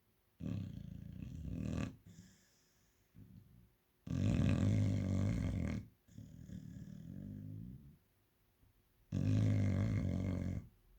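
Loud, rumbling snores from a sleeping dog, three long inward breaths with quieter exhalations between; ordinary snoring.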